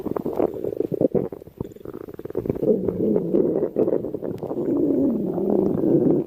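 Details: Stomach growling (borborygmi): a long, loud gurgling rumble with bubbling and squeaky tones.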